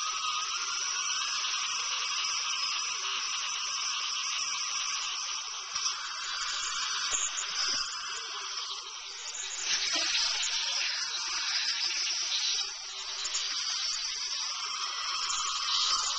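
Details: Dental filling recorded on a Flip Video camcorder: high-pitched whining dental drill with water spray and suction hiss, rising and falling in pitch; dental drill.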